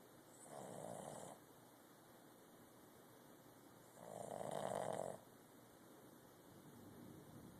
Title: Snoring pup